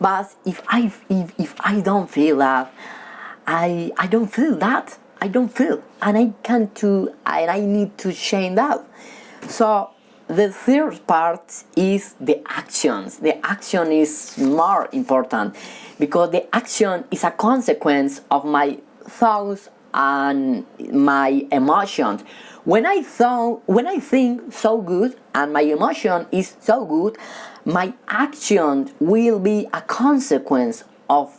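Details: Male who has stuttered since childhood, stutters when talking with people but reads fluently alone; stuttering.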